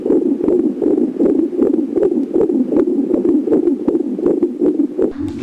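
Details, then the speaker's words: Fetal heart sounds heard with an obstetric stetoscope, longitudinal lie, cephalic presentation, first position, best heard left below the umbilicus: rapid regular soft thumps about 150 beats per minute, normal fetal range. "в данной ситуации продольное положение головное предлежание первая позиция место наилучшего выслушивание сердцебиения плода находится слева ниже пупка"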